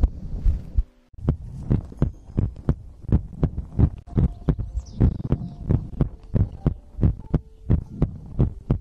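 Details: Own heartbeat recorded for ASMR heartbeat-and-breathing sleep content: repeated low thumping normal heartbeats around 88 a minute, somewhat uneven in spacing, with faint background sounds.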